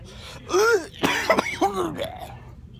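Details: Adult coughing in a CVS store: a few short, harsh cough bursts with voiced throat-clearing sounds in a quiet indoor space; ordinary adult cough.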